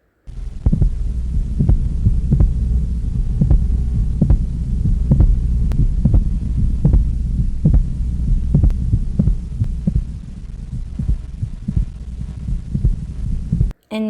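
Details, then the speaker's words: Pericardial knock: regular heartbeat at about 75 per minute with an extra loud thud early in diastole. "Gallop diastolic knock"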